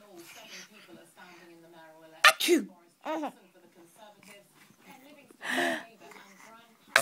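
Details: Mother's single sharp, explosive sneeze breaking through a baby's chatter and laughter, followed by more giggling from the baby; an ordinary sneeze.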